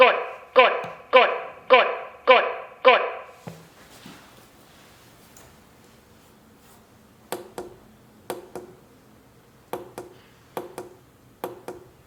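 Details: Meditech Defi5S AED on a training simulator, no shock advised, then CPR prompts: repeated short compression prompts at about 105 per minute, then quieter paired clicks.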